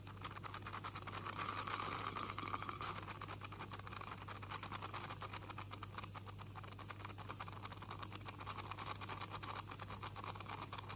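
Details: 44-year-old woman with heavy plaque and tartar, possible gingival inflammation, dental hygienist cleaning: steady high-pitched hiss and whine with water spray and scraping rattle of an ultrasonic scaler on teeth.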